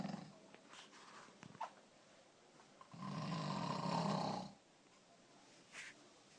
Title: snoring dog